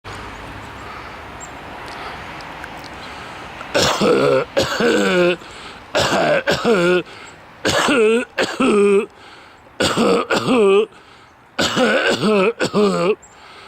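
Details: Adult coughing, attributed to smoke from a neighbor's outdoor wood furnace less than 100 feet away: repeated harsh, voiced hacking coughs and throat clearing in paired bursts.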